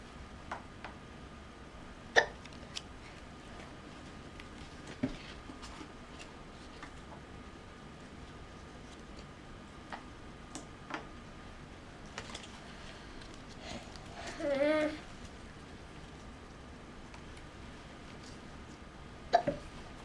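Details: Young child with hiccups during a shapes lesson: quiet room with a few sharp, brief catches spaced several seconds apart, and a faint voiced sound midway.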